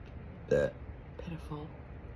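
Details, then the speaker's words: Person's single hiccup at night: one short voiced hiccup followed by a softer burp-like sound. "Why do I always get one hiccup?"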